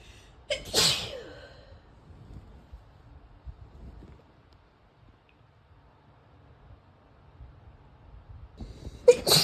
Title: Female Sneezing